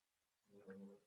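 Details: A resting pet snoring: after a quiet moment, one low, buzzing, rattling breath rises and fades over about half a second. Snoring.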